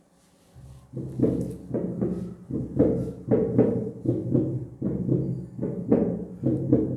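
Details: Real recording of normal heart sounds: regular low thumping heartbeats in a steady lub-dub pattern, illustrating the normal first heart sound (S1).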